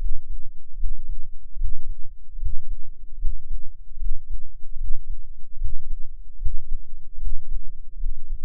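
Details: Adult's own normal heartbeat recorded with an experimental microphone enclosure and tube, dominant frequency about 10 Hz, including a breath-hold: deep, muffled, fairly regular thumping about 75 per minute under a constant low rumble.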